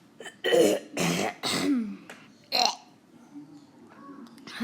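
Four harsh, wet cough bursts from an adult, close together, with faint room noise after.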